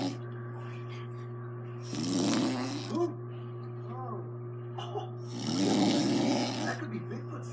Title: My mom snores ALOT